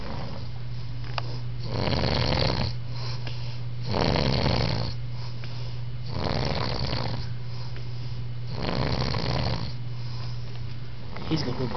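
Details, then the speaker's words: Sleeping brother with slobber coming from his mouth, described as a horrible, nasty snore: repeated coarse, wet-sounding snores, about 25 breaths a minute, over a steady low electrical hum; snoring. "about to show y'all a picture of my brother snoring. It's crazy."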